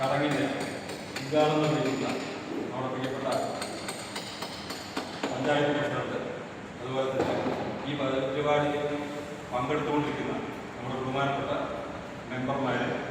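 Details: Stuttering in an adult man giving a public speech in Malayalam.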